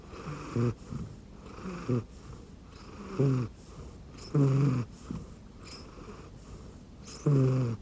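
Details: Rescue cat snoring while asleep on an arm pillow under a futon: low, buzzing snores in a slow, uneven rhythm, about 21 a minute, with a rattling noisy breath between them.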